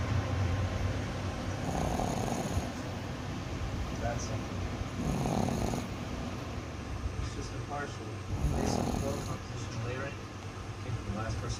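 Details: Pet pug snoring while asleep beside its owner: low rumbling snores in bursts every few seconds over steady background noise.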